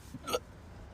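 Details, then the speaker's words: Adult with hiccups after eating and drinking coffee: a single brief, sharp hiccup over quiet room noise. "I went and got Dunkin' and I just ate and I got a coffee. Um and now I have the hiccups, but [ __ ]"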